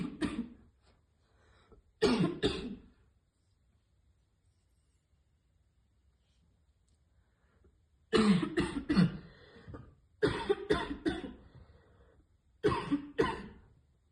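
Several bouts of harsh, forceful coughing in quick bursts with pauses between, a choking cough after inhaling vapour.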